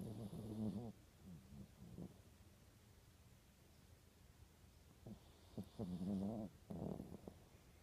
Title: More of tiger snoring